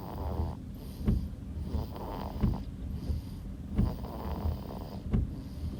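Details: Newborn baby girl asleep: low rumbling noisy breaths with short snorting peaks, about 44 a minute, surprisingly loud, thunder-like: newborn snoring.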